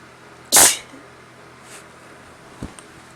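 A single sharp, hissing sneeze followed by quiet room noise.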